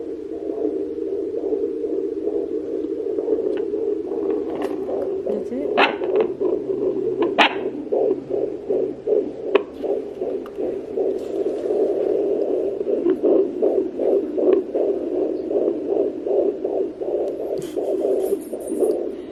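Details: Home fetal Doppler at 15 weeks pregnant; rapid, rhythmic whooshing pulses over a steady Doppler hum at about 150–160 beats a minute; fetal heartbeat.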